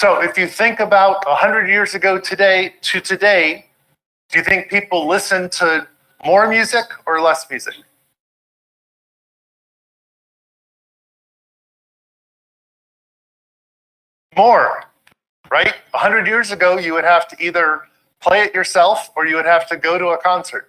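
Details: Adult male speaker; normal speech.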